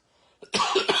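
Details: Sudden coughing attack from a throat tickle while speaking indoors: a short burst of two or three harsh, dry coughs after a moment of quiet in a small room.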